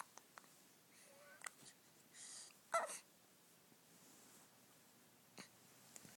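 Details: Newborn, 4 days old, hiccupping: short, abrupt hiccup bursts, each followed by a faint squeak, in a quiet room.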